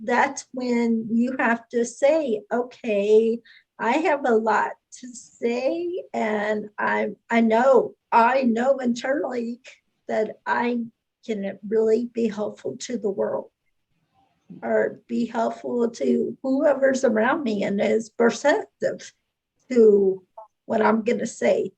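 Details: Adult woman speaking; typical speech.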